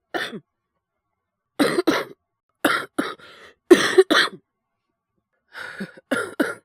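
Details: Japanese male VTuber streaming while ill with influenza: repeated harsh coughs in short clusters, about ten bursts over seven seconds, some in quick pairs.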